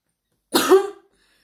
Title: COUGHING REPEATEDLY TO SEE HOW MY LITTLE NEICE WILL REACT||PRANK VIDEO|I WAS AMAZED BY HER REACTION